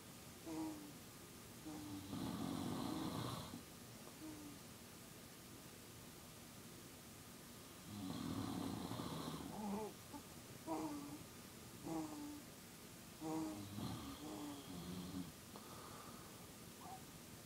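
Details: Recorded at 2 AM, low audio level: loud rattling snores alternating with quieter snorts and breathy sounds during sleep: snoring.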